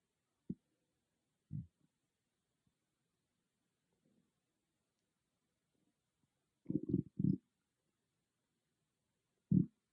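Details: Brief low gurgles and rumbles separated by silence from a person's stomach, recorded on an iPhone without an ASMR microphone; stomach growling (borborygmi).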